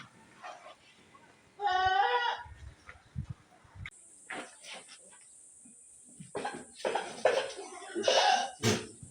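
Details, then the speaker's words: A large goat, whose cough was first noticed that morning, bleats then gives several short, harsh, rasping coughs outdoors; cough. "the big one has started coughing we've just noticed the cough this morning so we are going to inject him"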